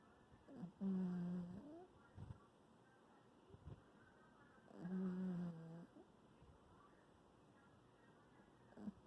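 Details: Gentle snoring: two soft, low, buzzing snores about four seconds apart over quiet room noise.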